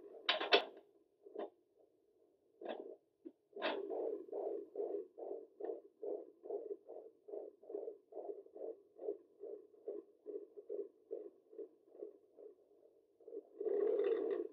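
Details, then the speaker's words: Rapid, regular whooshing fetal heartbeat at 24 weeks of pregnancy on a home Doppler, measuring 145 to 150 beats per minute, found after moving the probe lower; the mother is unsure the Doppler is accurate. "now his baby's heartbeat at 24 weeks it is currently measuring 145 to 150"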